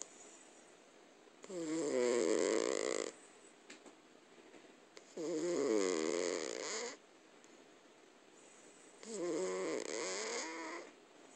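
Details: Cat asleep in her owner's arms on a couch, snoring loudly: rattling snores on each inhalation about every four seconds, with quiet breathing between.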